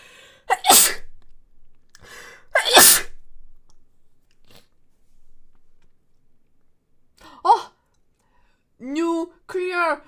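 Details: A person sneezes while eating: two forceful sneezes about two seconds apart, each with a brief inward catch, followed by short voiced sounds indoors.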